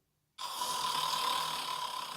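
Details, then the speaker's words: Imitated snore made with the nose held shut, breathing through the mouth: one continuous harsh, rattling, hissy noise after brief silence, from uvula and soft-palate vibration, showing that snoring does not originate in the nose. "코를 잡아도 코는 거네요. 그러면 코골이의 원인은 코가 아니란 얘기잖아요."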